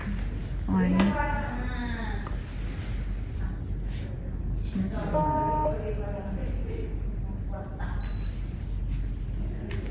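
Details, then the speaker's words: B. Braun syringe pump switched on with the power button, running its start-up self-test to confirm it is fit to start therapy: short electronic tones over quiet room noise, in nurses' training. "whenever the pump can turn out it goes for a cell test so what is self test means the pump itself will make sure there is the pump is good enough to start a therapy"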